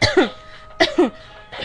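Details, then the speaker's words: Teenager makes a few short, voiced cough-like bursts on purpose while joking about what people say when coughing: a voluntary cough, not illness. "is that really when you cough is that really what you say cough cough"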